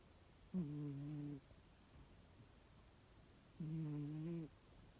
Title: Adorable cat snoring 😻😻😻 #cat #cats #snoring #cute